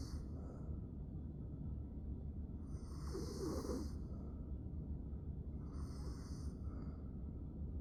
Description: I have severe obstructive sleep apnea and stop breathing like 48 times a night.